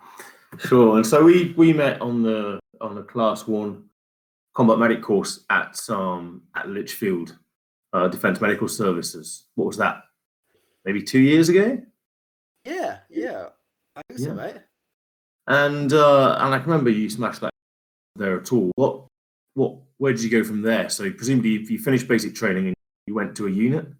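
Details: Adult male speaker in conversation; typical speech.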